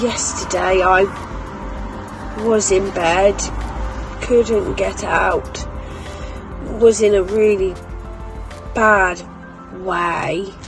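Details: Foreign accent syndrome, a Welsh-sounding accent, in a woman with functional neurological disorder suspected as the cause, alongside memory problems, tics, slurred speech and chronic leg pain.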